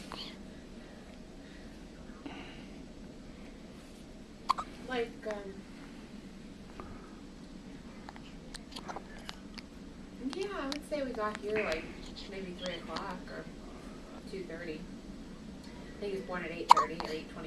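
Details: Newborn baby, mother recounting a recent epidural delivery, giving repeated short, sharp hiccup catches in a quiet room with soft background talk; hiccups.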